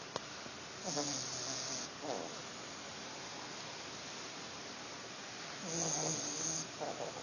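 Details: Billy, a pet dog (female pup) who was a bit cold, heavy snoring: two drawn-out rough, buzzing breaths several seconds apart against steady background hiss; she was fine afterwards.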